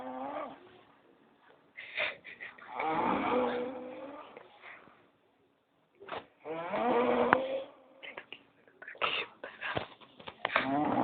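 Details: A person asleep snoring very loudly: drawn-out, rough, buzzing, partly tonal snores with pauses between them in a quiet room. The snoring stopped when he was touched.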